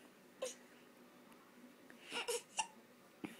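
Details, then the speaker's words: Crying baby girl with hiccups that upset her: several short, abrupt catches of breath with small vocal squeaks and some fussy crying; hiccups interrupt the crying. "my you don't like those hiccups do you baby no i know tell me how bad they make you mad"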